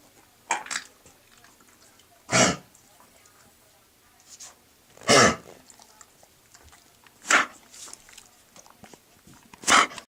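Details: Chronic recurrent dog cough, on and off for about 4 years, sounding like kennel cough: harsh dry bursts, about five in ten seconds; episodes last days or stop for weeks, rarely productive except with infection and high fever.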